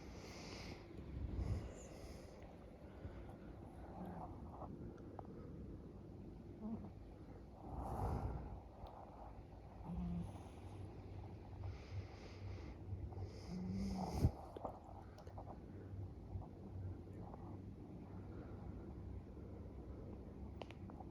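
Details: Marley, a female cat, snoring while deeply asleep on a blanket in a garden tent: soft, low snoring breaths with occasional snorty bursts over a quiet hum.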